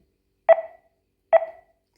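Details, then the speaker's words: Two short, clear QRS beeps about 0.85 s apart, roughly 70 per minute, from a ZOLL M2 monitor in monitoring mode, adult mode, while the QRS volume is adjusted in the ECG settings menu. "you can also change our qrase volume by clicking onto once we confirm"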